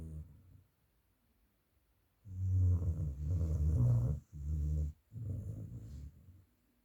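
Loud, deep rattling snores from a dog, each long breath vibrating coarsely with short pauses between; heavy snoring.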